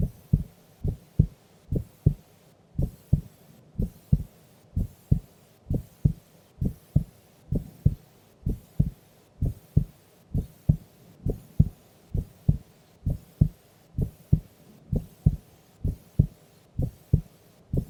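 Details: Female asleep during an afternoon nap: steady low double thumps at about 65 beats a minute; normal heart sounds at rest.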